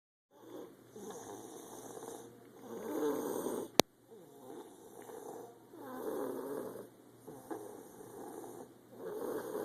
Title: Little snoring machine